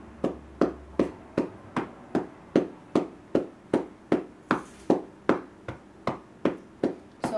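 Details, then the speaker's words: Cupped-hand chest percussion on a girl's chest during home chest physiotherapy to loosen mucus; she appears comfortable: steady hollow claps at about 150 per minute. "So again, just nice beat of percussions. And you can tell by her face that she is not disturbed by it."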